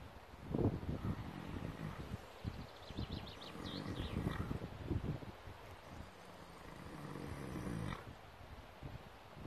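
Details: A horse lying in the grass in the winter sun, resting while the rest of the herd stands guard, snoring.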